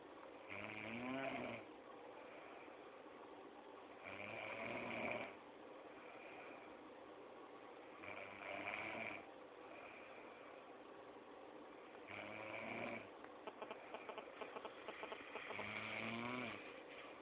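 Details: Female roommate asleep and snoring: rough, buzzing snores about every four seconds, roughly 15 a minute, over steady room hiss.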